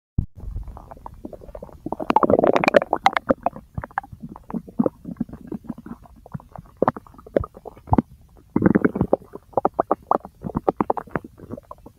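Frequent gurgling and bubbling abdominal sounds with louder rumbling bursts; active bowel sounds (borborygmi).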